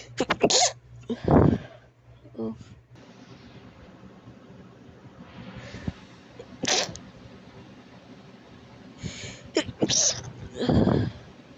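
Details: Sneezing attributed to allergies: several sharp, breathy sneeze bursts with catching inhalation buildups before some of them, separated by quiet pauses with light room noise.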